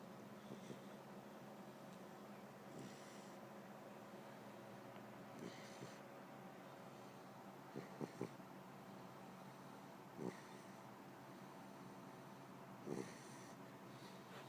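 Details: Puppy napping: soft, regular snoring breaths about every two and a half seconds, roughly 23 a minute, over steady room hum. Snoring.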